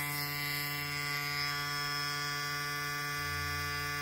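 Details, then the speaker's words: Prevena Plus 125 disposable negative-pressure wound vac, used after hip surgery, running with its canister removed: steady electric hum and whine of the small vacuum pump motor. "Oh, it does turn on. Look at that. So yeah, there you go. That's the vacuum side, though."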